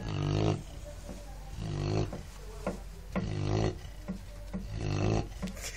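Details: A sleeping dog with loud, rough, rumbling snores roughly every one and a half seconds, faint music behind; snoring.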